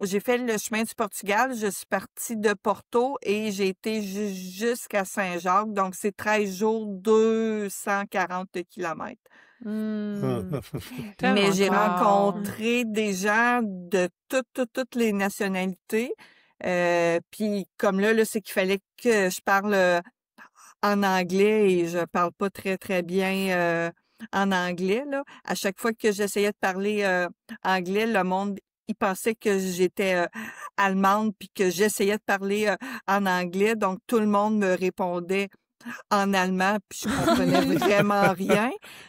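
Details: Adult woman who says she still stutters; stuttering.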